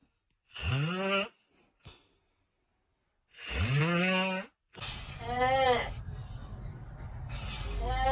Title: I Thought There Was Construction Outside… #snoring #funnysnoring #sleephumor #funnysleep